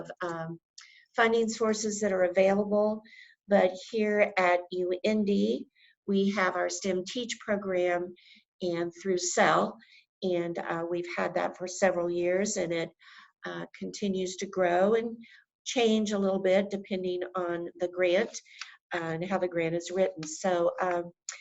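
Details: Adult woman speaking; normal voice.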